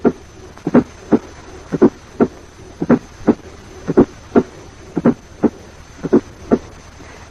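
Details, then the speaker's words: Loud A2 in hypertension, heard in the apical area, possibly louder than the first heart sound. "In cases of hypertension, A2 is loud and may even be louder than the first heart sound in the apical area."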